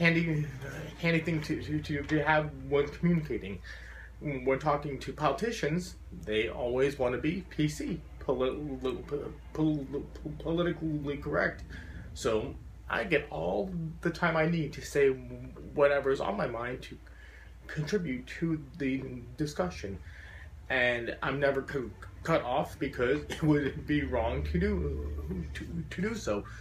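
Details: Adult man with a very severe stutter since childhood, once taking up to five minutes to say his name, who says he still stutters profoundly; stuttering.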